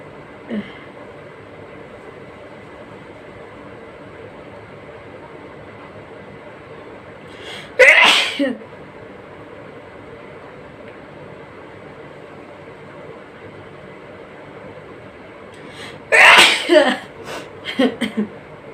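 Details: Two sharp explosive sneezes, the second followed by a few smaller bursts, over room hiss and faint hum; sneezing in a nose sneezing challenge.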